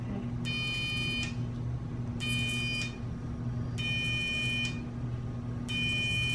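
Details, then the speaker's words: Electric skin-treatment device in four roughly one-second high-pitched bursts over low room hum, while a dermatologist removes a numbed lump on a patient's head, with a lipoma also seen; the skin sides are pulled apart to buzz again. "Can you pull the sides apart like that just now so I can buzz it again? Buzzing again, you're gonna hear."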